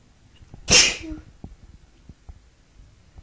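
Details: A single loud, sharp sneeze, then quiet room noise; the person announces the sneeze beforehand by saying "I'm gonna sneeze"; sneezing.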